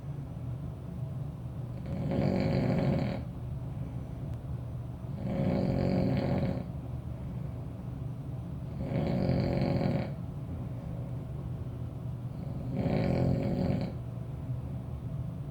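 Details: Adult man snoring while asleep in a shared room: steady, rough snores at about 16 breaths a minute over constant low background hum; snoring.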